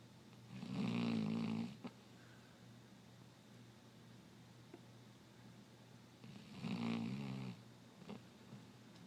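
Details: 3-year-old Basset Hound snoring while sleeping: two loud, low, rattling snores about five seconds apart with quiet breathing between them.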